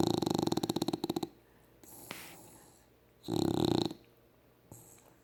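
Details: Male pet dog sleeping on the owner's lap, ordinary snoring: a rapid, fluttering snore in two bursts with quiet breathing between.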